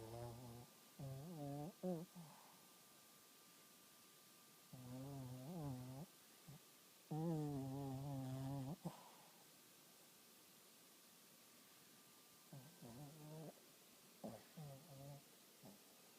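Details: Dog snoring so loudly the owner couldn't sleep: repeated short, buzzing, tonal snores in uneven bursts with quiet gaps and a faint steady hum; snoring during sleep.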